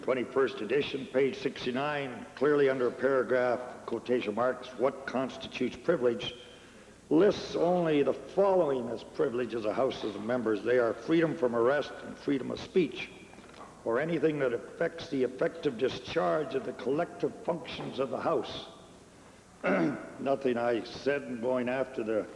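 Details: Adult male speaker; Normal speech.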